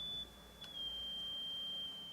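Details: A steady high-pitched pure tone from a noise generator at a hearing-aid fitting, shifted slightly lower while the adult patient judges higher or lower, to match her tinnitus's main frequency.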